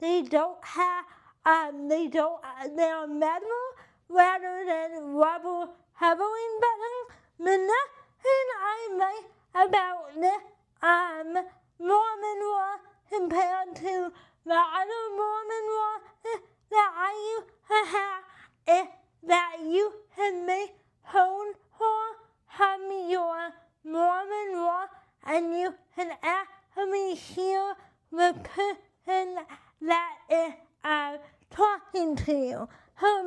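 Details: Adult with cerebral palsy and limited hand function: dysarthria.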